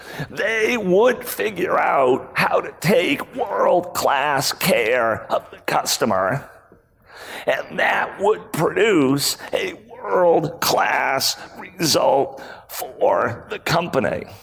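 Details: Male CEO with spasmodic dysphonia, a rare voice disorder acquired in 2010; throat muscles spasm and contract when he talks, sometimes making speaking difficult; speaking at a 2018 keynote, about eight years after onset.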